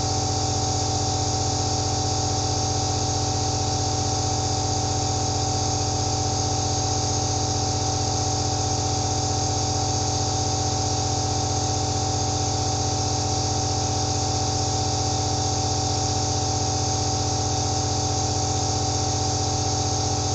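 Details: Aerosol nebulizer sound recorded first-person for relaxation; nebulizer running.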